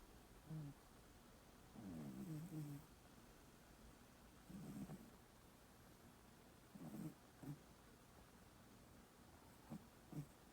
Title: Snoring cat - turn your sound up!